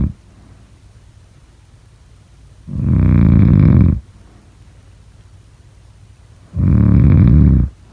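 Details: Snoring.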